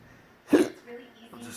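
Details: Single sudden gulping hiccup followed by faint breathing, from an adult with intractable hiccups ongoing since December 2015, reportedly triggered by a breathing spasm and accompanied by choking, unresponsive to medicines and surgeries.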